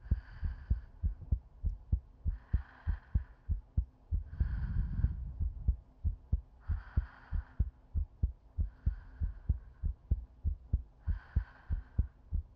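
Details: Simulated sleep-aid ASMR loop meant to sound like lying on a girlfriend's chest: steady, regular low heart thumps with soft, slow breathing layered over them; normal heartbeat.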